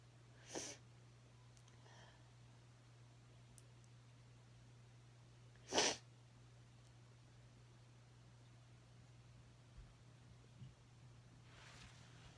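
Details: Sneezes: two short, sharp bursts of air over a steady low room hum, with a fainter third burst at the end.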